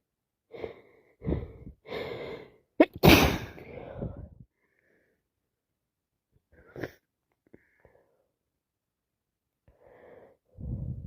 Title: Day 2 of snottiest cold , so much sneezing, sniffing and blowing my nose